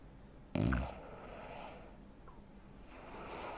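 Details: Real-life snoring from a 43-year-old man (85 kg, 165 cm) with obstructive sleep apnea: a single loud, harsh snorting snore, then quiet low breathing noise, amid breathing pauses typical of sleep apnea.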